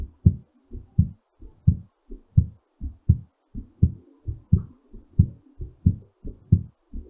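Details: Strong, regular low lub-dub heartbeat at roughly 85 beats a minute, settling during recovery after exercise; normal heartbeat after exercise.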